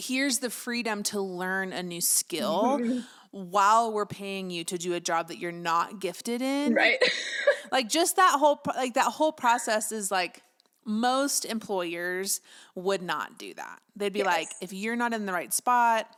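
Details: Adult woman speaking; ordinary speech.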